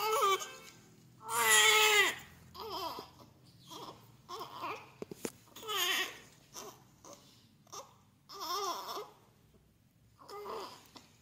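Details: Newborn baby boy, 39 weeks, 3.3 kg, just after normal vaginal delivery: one loud opening cry, then repeated high-pitched wailing cries with short breaths between; strong newborn crying.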